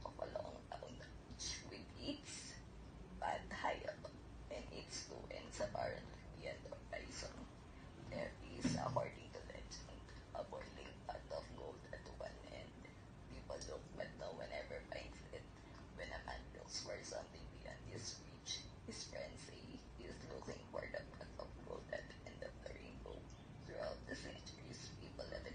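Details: Adult woman diagnosed in 2019 with adductor spasmodic dysphonia, laryngeal spasms giving a strangled, strained voice; recorded before thyroplasty type 2 surgery in 2020; adductor spasmodic dysphonia.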